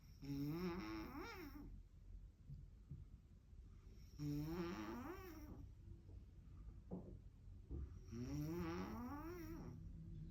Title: Snoring like a BEAST #shortfeed